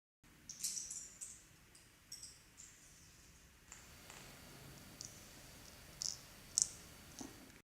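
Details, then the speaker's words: Aerolizer capsule inhaler (Miflonide) being reclosed: a few sharp, light plastic clicks as it snaps into place in an upright position, over faint room noise. "reclose the aerolizer until it clicks into place in an upright position"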